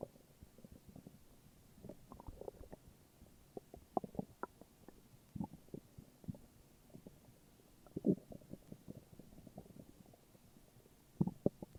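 Soft irregular gurgles and rumbles with occasional louder pops; ordinary stomach growling.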